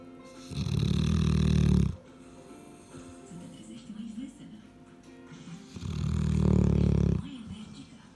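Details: 11-month-old female Cane Corso sleeping and snoring very loudly: deep rumbling snores, two in eight seconds, softer breathing between, faint background music; dog snoring.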